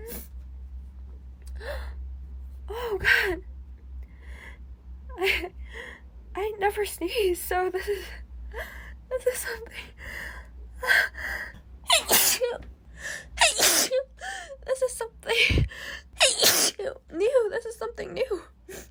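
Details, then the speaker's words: Adult woman who says she never normally sneezes sneezes repeatedly in quick bursts with gasping breaths between, in a sneezing fit while trying to talk; sneezing. "oh I never sneeze sorry about that I never sneezed oh sorry wow"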